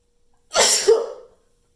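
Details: Sneeze deliberately held back to build up bigger, with long buildup and heavily watering eyes: one loud, explosive sneeze with a sharp burst of air, fading quickly; loud sneeze.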